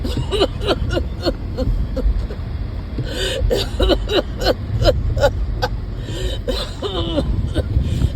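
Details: Person who gets winded even walking to the car, and is not improving, gives a series of short, harsh coughs with throat clearing over steady engine and road rumble; repeated coughing.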